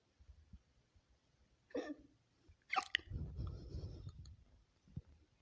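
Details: Woman's own hiccups edited into a collage: sudden, brief voiced catches in a quiet room, one followed by a breathy exhale; typical hiccups.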